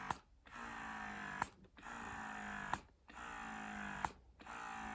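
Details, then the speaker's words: BellaBaby wearable breast pump, demonstrated with a balloon, running in expression mode: soft motor whir broken by a click and pause about 46 times a minute as it cycles. "so this is the massage mode the suction mode this is the expression mode"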